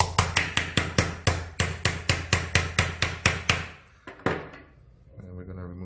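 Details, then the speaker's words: Mallet driving a self-tapping all-suture medial suture anchor in a model during a sports-medicine repair demonstration: about fifteen sharp, evenly spaced taps, then two more. "yes this is self-tapping so i'm going to tap it into the video"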